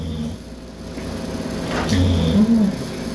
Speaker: what if we just listen for a second you can hear her snoring yeah story can y'all hear